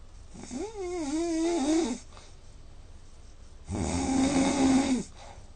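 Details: Sleeper recorded with Snore Lab app, about 4 hours sleep with roughly 3 hours (80%) snoring, snore score 166: two loud, long rattling, vibrating snores separated by quiet breathing; heavy snoring.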